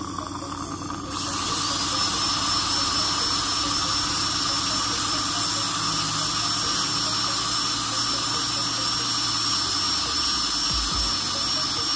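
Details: Dental drill with a steady, high-pitched continuous whine and faint room noise while preparing a filling ("dental pasta") in the lower right second molar; the cavity is wide but not very deep.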